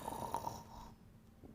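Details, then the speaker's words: One short, buzzing, rattly snore that fades out; Mario keeps snoring at night so Luigi can't sleep; ordinary snoring. "what the heck is going on why is he snoring and why are you not to bed I'm sorry he just keep on snoring and I can't sleep what"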